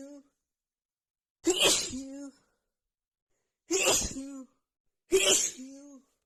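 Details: Hay fever sneezing fit: three forceful sneezes in quick succession, each ending in a short voiced sound.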